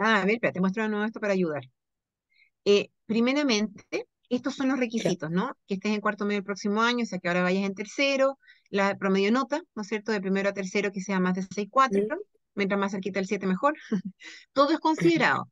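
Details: Adult woman speaking Spanish; Normal speech.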